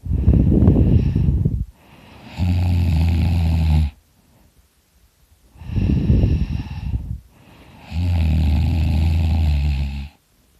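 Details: Loud snoring during sleep, with rough snores on both breathing in and out, about two full breath cycles in ten seconds, and a deep rattling buzz.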